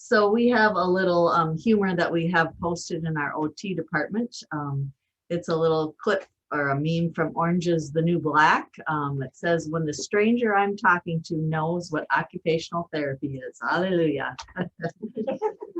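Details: Adult woman speaking; normal speech.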